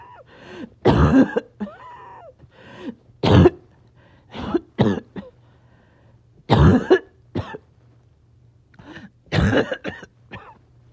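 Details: Back-to-back coughing fits in a person who is a little short of breath: repeated bursts of harsh coughing with gasping, groaning breaths between them.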